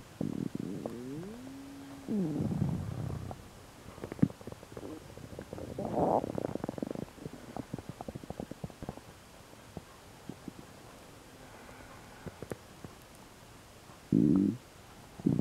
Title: MVI 1134 stomach ulcer sounds